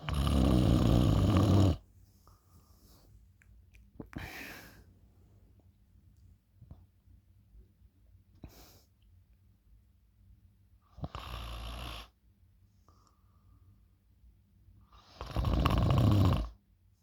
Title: My sexy loud snoring 😊😴